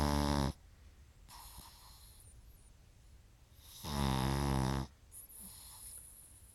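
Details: Loud, buzzing, rattling inspiratory snores with softer snorting breaths out between, from a sleeping pug; snoring, with the owner calling to wake him afterward.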